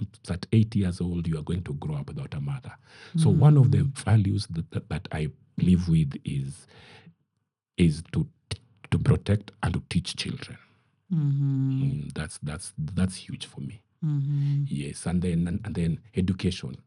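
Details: Adult man who stammers; he says his stammering is genetic, inherited from his mother, and at times acute; word and part-phrase repetitions are heard; stuttering.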